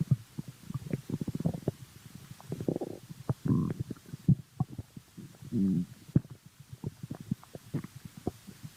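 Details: Stomach growling (borborygmi): low bubbling gurgles and crackly pops with a short tonal groan.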